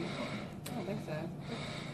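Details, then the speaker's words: Deep, noisy Kussmaul breathing in a 10-year-old boy, altered and slow to wake, with weight loss and vomiting, no prior diabetes diagnosis; severe, suspected diabetic ketoacidosis. "this is who's more breathing this is the breathing that you see with diabetic ketoacidosis"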